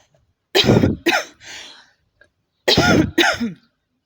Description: Woman smokes a cigarette and coughing throughout the video. She coughs quite a lot while smoking